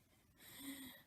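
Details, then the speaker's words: Loud snoring from a male companion sleeping next to the recorder at about 2 a.m., recorded on an iPad. He is described as snoring really loud. "um he does snore really loud"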